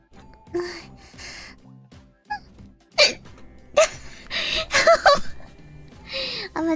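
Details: Streamer with hiccups during a livestream: brief, sudden voiced gulps break through speech and laughter over background music, after trying and failing to hold them in; hiccups.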